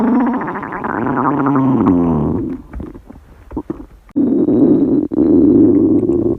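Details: Young women who fasted for 24 hours, recorded in a quiet room: loud, drawn-out stomach growls, a rising-falling moan, then crackly gurgles and a steady low groan; normal hunger borborygmi.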